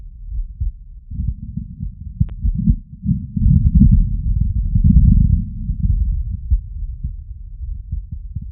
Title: Heartbeat auscultation stethoscope heart sounds with phonendoscope CS-417 + electornic